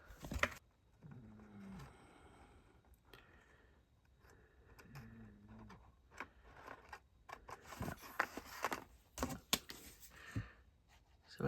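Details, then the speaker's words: Two low, droning snores about four seconds apart from a female cat that snores loudly, over crafting noises like cutting and scraping: snoring. "However, the snoring you can hear is actually my cat who snores incredibly loudly. She's a lady cat and she's not very delicate in lady life."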